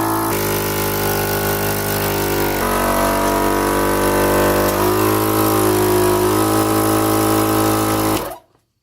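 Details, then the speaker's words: A home electric nasal suction machine for infants and adults, demonstrated by suctioning a little water: a steady motor hum with a droning buzz that runs and then cuts off. "what we do is we stick it in here we suck up a little bit of water I'll show you how it works"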